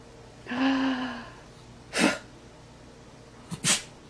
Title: Dogs Funny Sneeze